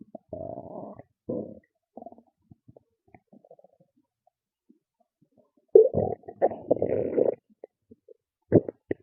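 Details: Loud stomach growls and gurgles in bursts separated by quiet gaps; ordinary bowel sounds (borborygmi), a normal finding.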